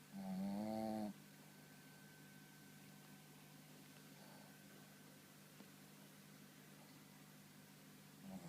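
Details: One loud, buzzing snore from a male Shih Tzu almost 3 years old, who always snores loudly while sleeping and is hard to wake, then quiet room hum; dog snoring.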